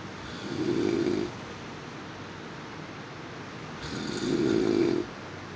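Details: Snoring: two long, low rattling snores on the in-breath, separated by a quiet pause, over faint room hiss; ordinary snoring.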